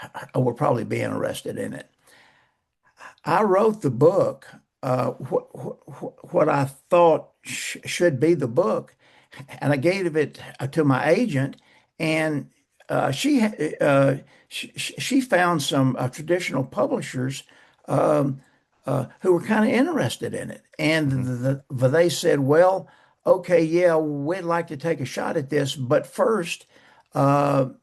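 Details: Man who still stutters, describing blocks, poor airflow, some repetitions and prolongations, and saying he no longer pays attention to it; stuttering.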